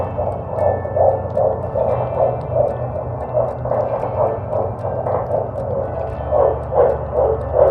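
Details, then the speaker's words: Rapid, regular whooshing pulses over a low hum: fetal heartbeat on a doctor's Doppler at about 3 to 3½ months of pregnancy, described as strong; rate mentioned as 121. "Tapos yun pala kanina nung pinakinggan namin nito doc yung heartbeat ni baby. Ayan flash natin. Ang lakas ng heartbeat niya."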